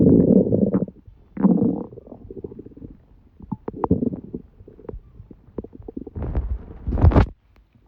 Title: Stomach noises while I have a cold